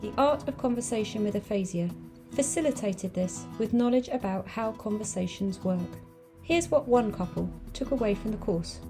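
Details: Adult female narrator; normal speech.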